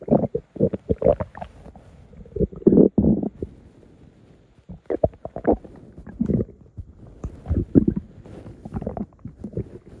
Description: Hungry stomach rumbling at night.